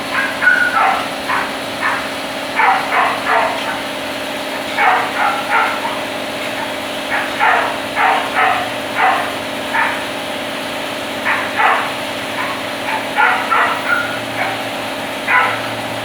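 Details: Cat gives repeated short, raspy coughing bursts in clusters, described as coughing and wheezing; owner asks whether it is sick; steady traffic or engine noise behind.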